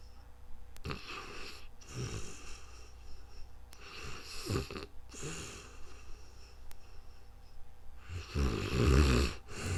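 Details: Repeated rough, fluttering snores with breathy exhales, the last one loudest; real-time snoring during sleep.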